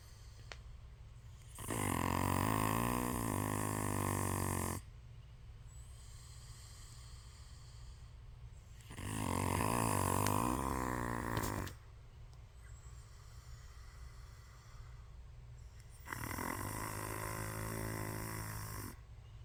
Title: Clover snoring